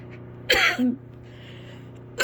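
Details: One harsh, throaty cough ending in a brief voiced grunt, with another cough starting, from a person sick with fever and congestion; congested cough.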